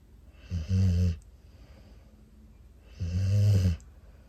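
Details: Snoring in a sleeping female rescue bully-breed puppy: two loud, low, rattling snores about 2.5 seconds apart, with quiet breathing between them.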